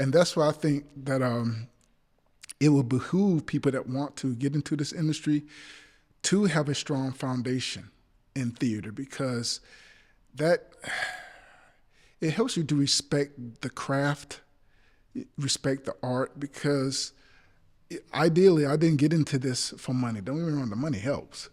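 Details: Adult male actor with stuttering since childhood that persists; stutters in this passage while trying to recall names, saying he is not nervous; stuttering.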